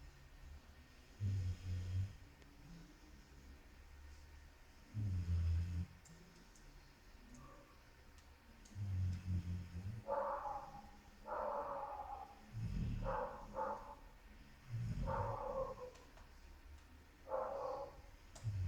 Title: Roncando / Snoring